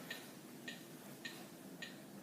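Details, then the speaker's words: CPR metronome clicks in AED training simulation, right after shock delivered: four sharp, evenly spaced clicks about 105 per minute pacing chest compressions, 30 compressions to 2 rescue breaths. "shock delivered it'll give the shot begin CPR alright and we start CPR"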